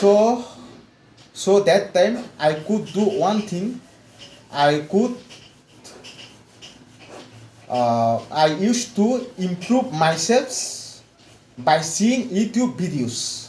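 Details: Adult male mechanical engineer from West Bengal, India, with severe stammering since childhood, speaking after 4 weeks of fluency training; repetitions and long pauses heard; stuttering.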